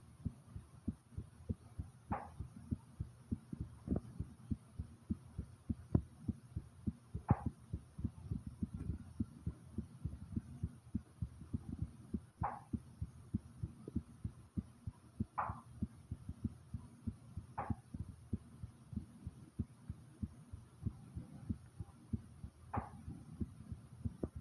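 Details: Own heartbeat that starts slow and then speeds up: steady, rapid low thumps with occasional faint clicks over a low hum.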